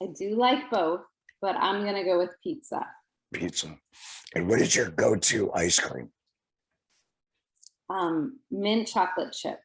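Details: Adult speakers in conversation; Typical speech.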